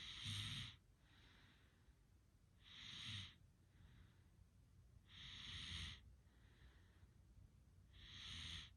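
Regular snores at about 22 a minute, each a rough, rattling breath in followed by a softer hissing breath out, typical of snoring.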